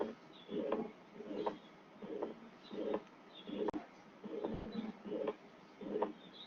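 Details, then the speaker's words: Mouth-imitated pericardial friction rub, rhythmic scratchy rubbing bursts about 80 a minute, like two surfaces rubbing together, as in pericarditis with pleuritic precordial pain worsening on inspiration, plus cough; simulated, not a real recording. "Presenta un dolor pleurítico asociado a un frote pericárdico. Frote es como si frotaran dos superficies, ¿ya?"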